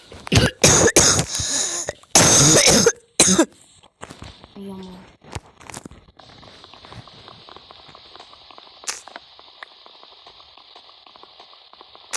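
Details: Own loud, harsh coughing run with throat clearing, then quieter sounds over background noise, recorded while playing Minecraft; cough.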